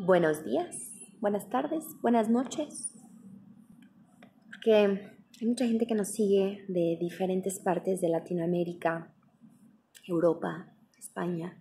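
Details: Spanish-speaking woman who stutters and describes stuttering as cyclical, with blocks, spasms and repetitions ranging from mild to severe; stuttering.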